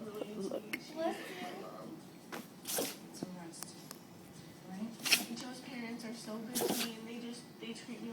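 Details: Female Shih Tzu dog, Roxy, in a prolonged sneezing fit of about 5 minutes: several short, sharp nasal bursts with a person talking over them; repeated sneezing.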